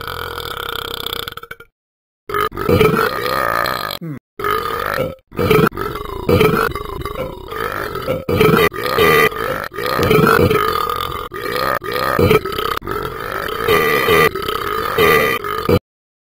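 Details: Long run of loud, repeated, voiced, rumbling belches with brief pauses: burping.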